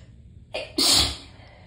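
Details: Tickly sneezing fit: a brief indrawn breath, then one loud explosive sneeze.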